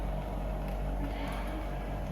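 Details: Steady low motor hum from a suction machine switched on and checked before oral suctioning, with oxygen continued after preoxygenation, during a suctioning demonstration.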